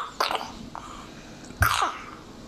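Two short, wet, congested coughs from a young child, typical of bronchiolitis.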